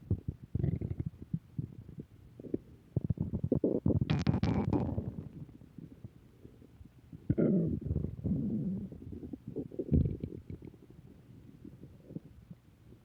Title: Return of stomach growling 3